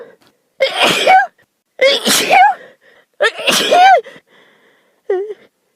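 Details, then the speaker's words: Girl with allergy to dogs, having an allergy attack while riding in a car with a dog: three sharp, voiced sneezes in quick succession, then a short vocal sound; a sneezing fit. "Sneezing just makes it worse. Usually when I have an allergy attack and it starts the back of my throat itching and then my eyes start watering."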